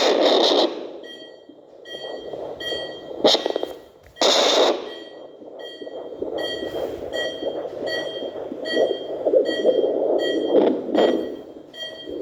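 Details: Fetal heart sounds during an antenatal check-up of a pregnant mother: rhythmic whooshing pulse with a regular electronic beep on each beat from a fetal heart monitor.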